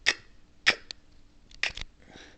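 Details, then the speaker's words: Adult with Tourette syndrome and OCD, tics starting around age 10–12, demonstrates the tic sounds: about five brief, sharp, noisy throat-and-breath bursts; simple vocal tic. "basically I was watching a movie when suddenly I was making The Sounds it was"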